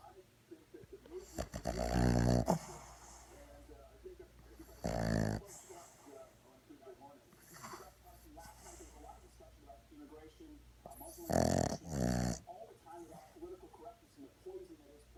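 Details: Four-month-old Boston terrier puppy in deep sleep snoring in loud, rattling bursts with each breath, with television speech in the background.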